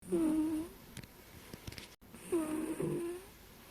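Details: Cat sleeping deeply, snoring and dreaming: two drawn-out, squeaky, tonal breath noises, a light whistling snore, with faint room noise between; snoring.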